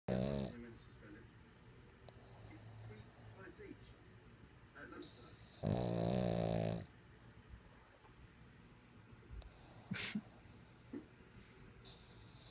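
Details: Sleeping dog snoring: loud, rumbling snores, the longest about a second, roughly every four to five seconds, with quiet breathing between.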